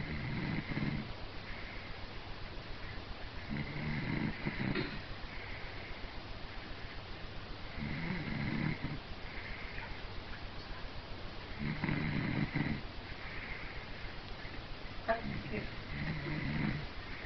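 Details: Snoring in a sleeping animal: soft, rhythmic snuffling snores repeating every few seconds in a quiet room.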